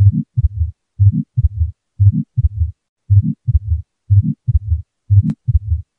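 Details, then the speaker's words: Pediatric cardiac auscultation with a stethoscope: regular heartbeat at about 60 a minute with a soft whooshing murmur between beats from an atrial septal defect. "this often indicates that there's some sort of a opening or connection between two of the chambers in the heart that or can indicate an abnormal valve function again either way a murmur should be brought to the attention of the Care team in order to best diagnose and treat the problem"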